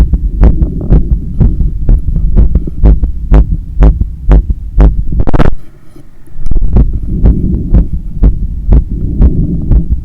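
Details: Heart sounds recorded right after running 10 km outdoors and climbing 15 floors of stairs: rapid, forceful, visibly hammering heartbeat with breathing and hard pumping sounds; exercise-induced tachycardia.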